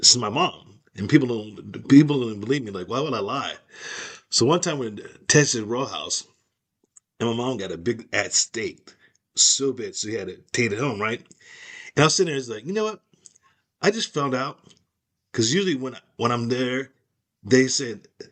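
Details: Aphasia caused by stroke, in an adult woman.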